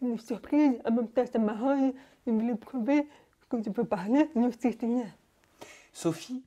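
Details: Young French-speaking woman, deaf since birth, wearing hearing aids since birth and recently new ones, speaking orally while lip-reading. Deaf speech from prelingual hearing loss.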